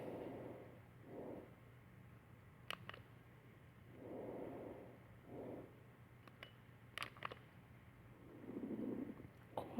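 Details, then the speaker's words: Simulated normal lung sounds on a mannequin: soft, even breath sounds, about three and a half breath cycles in ten seconds. "Normal long sounds."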